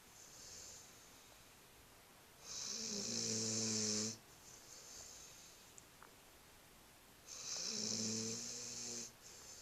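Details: Sleeping pit bull puppy snoring: slow, rough, hissing snores on each in-breath, about 14 a minute, with quiet out-breaths between.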